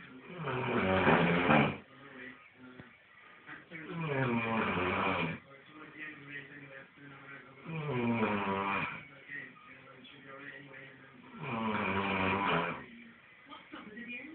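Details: Snoring from a man: loud, rough, voiced snores on each breath in, about four a minute, with quieter breathing out between them.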